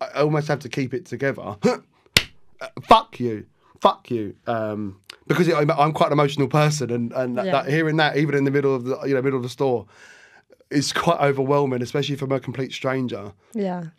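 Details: Adult male barber with Tourette syndrome; tics began at 14 after a minor ski fall, motor first, vocal tics with random words and swearing 4–5 months later; involuntary, worse when nervous; vocal tics with coprolalia (Tourette syndrome).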